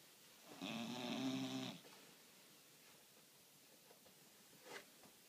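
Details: Sleeping dog: one loud, buzzing, rattling snore lasting about a second, then quiet breathing and a small snort; loud snoring like a grown man.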